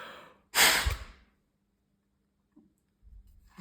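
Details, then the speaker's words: A single short, sharp, forceful exhalation into a peak flow meter, then quiet. Shown for asthma monitoring with three blows morning and evening, keeping the best reading; a maximum of 700 is mentioned. "ми вже з вами навчилися дихати три рази вранці три рази ввечері і брати максимальний показник"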